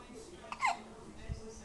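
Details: 1-week-old baby boy, eyes open and watching a fan, just after finishing a whole bottle of breast milk: a single short voiced catch with a quick rise and fall in a quiet room, infant hiccups.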